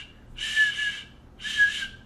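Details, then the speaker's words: Vocal imitation by a cardiologist of the aortic stenosis murmur: two breathy "shh" sounds that swell and fade, showing its crescendo-decrescendo shape. "the duration of the murmur like the aortic stenosis murmur is crescendo decrescendo that is sh"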